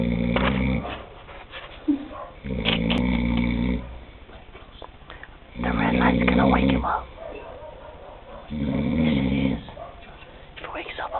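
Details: Adult man filmed in the dark, snoring about five minutes after lights out at a camp: three rough, rumbling snores about every three seconds with soft rustling between.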